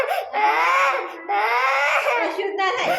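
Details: A young child cries loudly in long wailing bursts with brief catch breaths while blood is being drawn.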